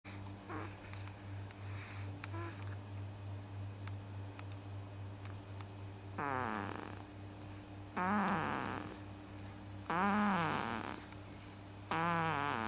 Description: huxly snoring at 8 weeks